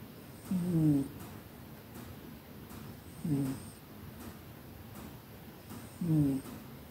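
Three short, tonal, squeaky snores about every 2.7 seconds from a napping cat, with quiet room noise between them.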